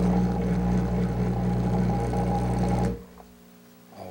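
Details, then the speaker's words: Steady low buzzing hum of a dental lab vibrator for about three seconds, then off, settling hand-mixed investment around wax patterns for gold castings using the hand investing technique. "so just like the vacuum investing i will use a vibrator in order to bring all this investment down in here accumulated in one place"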